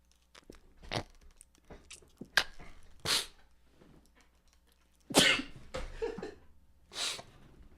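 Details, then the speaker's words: Adult man's sneezing fit, which he blames on nasal spray addiction: about five sharp, explosive sneezes in quick succession with a faint low background hum. "at's at this point my body is just taunting me with these sneezes I've been told that I sneeze like a [ __ ]"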